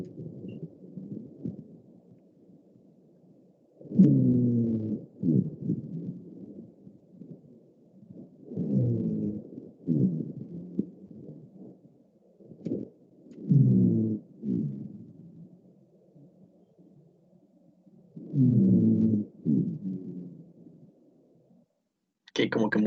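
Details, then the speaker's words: Rhonchi heard during auscultation teaching: low-pitched, rumbling, snoring-like sounds with each breath, about 13 breaths a minute, attributed to air passing through narrowed airways. "si ustedes recuerdan en bcr esta estas vías aéreas se encontraban con una luz disminuida entonces el paso del aire producirá cierto cierto sonido característico"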